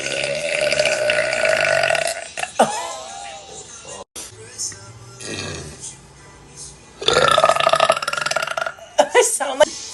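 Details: Girl burping on a live stream: several loud, drawn-out throaty belches with voiced gurgling, separated by quieter talk and background music.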